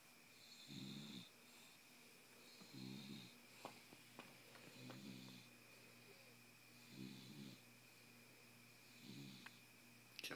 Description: Wide awake bulldog, Miss Piggy, snoring.